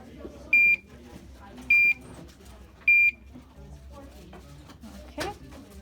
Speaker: it's just turning itself on while it's happening